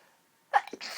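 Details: A single abrupt explosive sneeze with a breathy tail, one of a run of itchy, tickly allergy sneezes in a person whose pollen allergy is also causing coughing.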